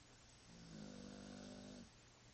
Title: Snoring like a human